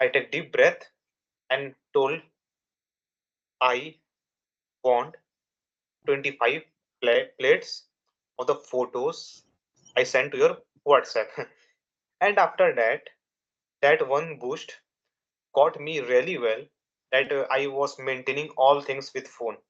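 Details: Stuttering in a young adult man who has stuttered since childhood, for more than 10 years; his father also stammered, and his main triggers are nervousness and a fast speech rate.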